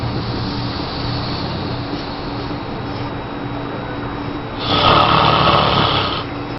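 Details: Tiger snoring: a low steady rumble gives way to one loud, rough, rattling breath lasting over a second; the snore wakes a child.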